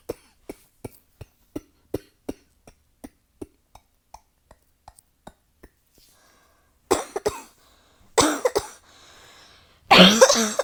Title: Nonstop coughing fit…